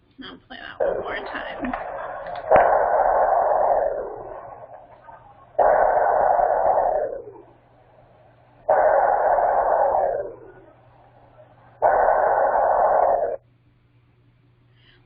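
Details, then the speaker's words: Sea turtle's heartbeat, described as slower than average for a sea turtle but strong: long, strong whooshing pulses about every three seconds, roughly 19 a minute, with a low steady hum between them: bradycardia. "that's repeat is definitely slower and an average heart rate of a sea turtle however it's still a strong heart rate and very presence there"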